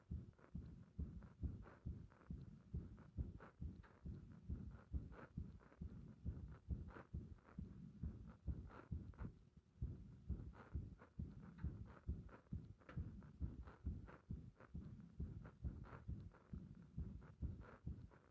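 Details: Heart sounds recorded with compression against the chest, with frequent arrhythmia felt as a bursting sensation in the heart: fast thumps about 130 a minute, unevenly spaced, with occasional early or skipped beats, indicating frequent irregular beats.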